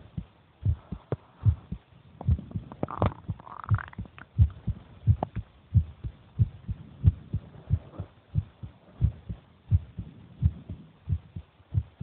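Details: Heartbeat of the speaker's brother recorded while he eats: low, regular double thumps at about 90 beats a minute with faint rustling and a brief swallowing noise; normal heartbeat.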